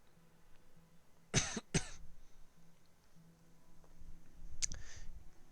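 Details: Two sharp coughs close together, then a brief throat-clear, from a person with a current cough they attribute to allergies; an ordinary cough.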